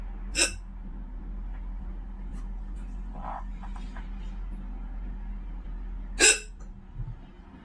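Two sharp, sudden hiccup sounds about six seconds apart over steady low room hum: hiccups.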